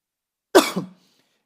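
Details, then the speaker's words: A single short, harsh adult cough with a brief trailing phase, during a sermon; the preacher says he spent the week fighting the flu and that it is not COVID. "esta semana fue una semana de lucha con una gripe, así que me va a escuchar toser, pero quédese tranquilo, no es COVID."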